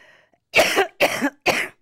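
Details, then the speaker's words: Three short, harsh coughing and throat-clearing bursts from an adult speaker who says she has just recovered from sinusitis, clearing her throat mid-sentence during a recorded interview. "Let Me Clear My Throat Elliot because"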